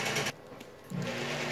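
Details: Loud mechanical whirring, briefly stopping and restarting, of a tumescent fluid pump building a water sheath around the cannulated saphenous vein in a female patient in reverse Trendelenburg during EVLT varicose vein laser treatment; infusion pump running.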